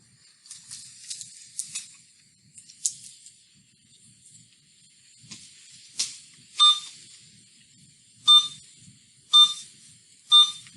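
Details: IV infusion pump programmed and started for hydration fluid after the IV was flushed and confirmed in the vein, in a nursing demonstration; soft button clicks and short tones, then four repeated high beeps.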